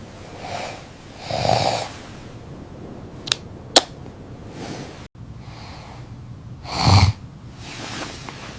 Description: She loved his snoring, a loud, rhythmic sound that had once kept her awake, but now lulled her to sleep every night.